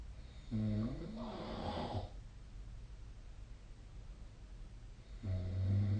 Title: 🐽 Snoring Sleep Sound / いびきの音2025/05/31